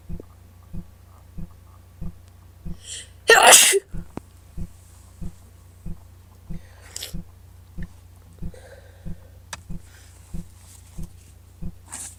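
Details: Person with a cold, quite stuffed up with snotty nose blowing: one forceful sneeze followed by sniffing, over a steady background ticking; sneezing.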